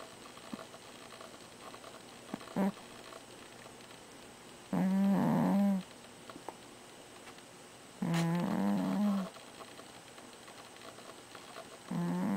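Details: Overweight cat snoring while asleep: loud, buzzing, rattling snores about every three to four seconds with quiet pauses between breaths.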